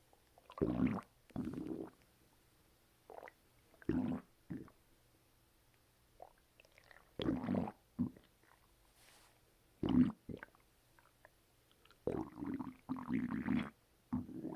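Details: Active bowel sounds (borborygmi) after a bowel movement: irregular gurgling and rumbling bursts from the abdomen.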